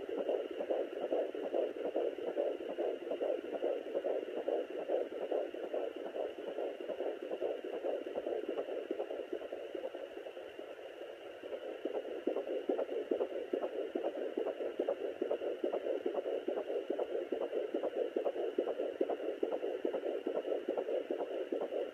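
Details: Fetal heartbeat at 16 weeks of pregnancy on a Sonoline B fetal Doppler: a fast, regular galloping whoosh at about 143 beats a minute, within the normal range.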